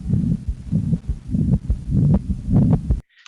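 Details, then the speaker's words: Systolic murmur of mitral regurgitation at the mitral area: heartbeat near 100/min with a blowing whoosh filling the gap between S1 and S2 (lub and dub), not between S2 and S1. "so we hear the wishing in the first between the lap and the dub not between the dub and the love"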